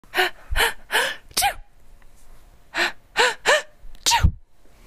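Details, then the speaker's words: Acted sneezes by a woman performing on request: a run of eight sharp sneezes, each with a brief in-breath before the burst; sneeze. "all right do it again again couple more times okay do it do it again try and uh do a do a different sneeze sound if you can"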